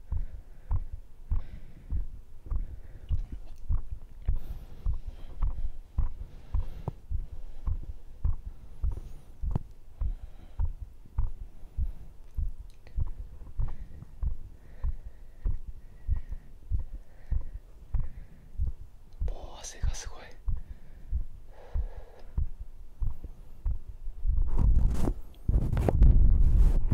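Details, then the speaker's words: Self-recorded heartbeat via microphone after a strength workout of dips, abs, cross pulls and arm curls: steady, fast thumps at about 100 a minute (98–104 stated), a normal heart quickened by exercise. "Nhịp tim hiện tại 98, 104 Vậy thì hãy đo nhịp tim của bạn!"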